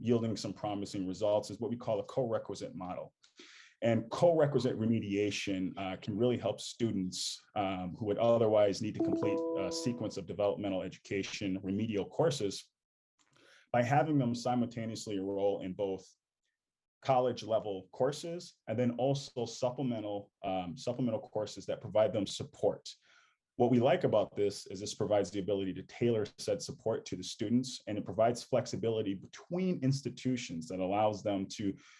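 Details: Adult male speaker; normal speech.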